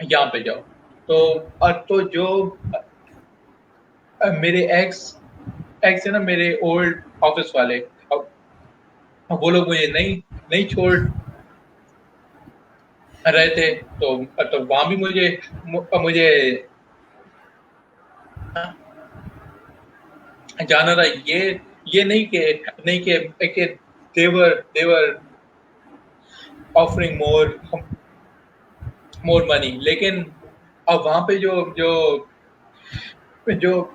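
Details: Adult male working professional who stutters, speaking spontaneously in Hindi/Urdu in a real interview, with word and phrase repetitions; stuttering.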